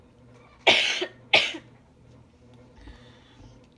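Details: Cough.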